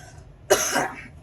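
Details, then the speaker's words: Dog sneezing in the background. "And if you're curious, that was the sound of my dog sneezing."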